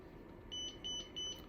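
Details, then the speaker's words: Zoll defibrillator monitor with pads connected to a simulator module, switched on in monitor-only mode (no defibrillation or pacing): three short, even, high-pitched electronic power-on beeps over low room hum. "okay everyone so once you have the defibrillator pads connected you can turn the monitor on"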